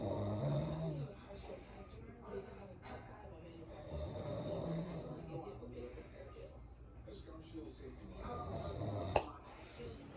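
Low, rough rattling sounds repeat with each breath during sleep, with a brief sharp noise near the end; ordinary snoring.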